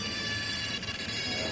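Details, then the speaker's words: Steady high-pitched whine of a dental drill with faint low room rumble, from a dental training demonstration. "Oh, let me warn you, there's going to be the sound of dental drills. Okay, so brace yourselves."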